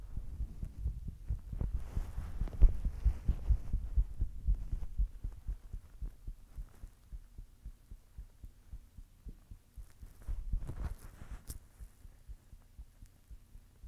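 Low, soft repeated thumps of a heartbeat under a steady hum, roughly 70 beats a minute.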